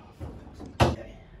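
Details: Joint cavitation cracks during a chiropractic adjustment as the patient takes deep breaths through the nose.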